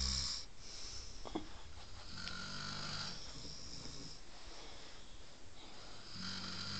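Low rumbling snores with whistling noise through the breath, partly masked by steady room noise; snoring.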